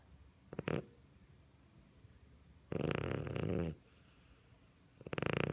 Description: Family Siamese cat is curled up under the Christmas tree and snoring very loudly, no added sound effects!